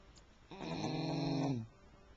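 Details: Sleeping dog snoring: a single drawn-out, buzzing, rattly snore.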